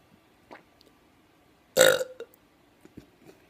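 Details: Deliberate burping on request: a single loud, throaty burp lasting about half a second among quiet room noise; burping.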